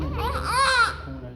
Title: Very beautiful newborn First Glimpse of Newborn Baby very Beautiful Crying & Reactions After Birth